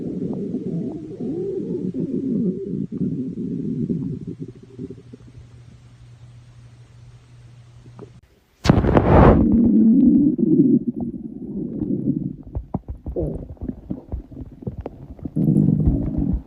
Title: Normal stomach growl 4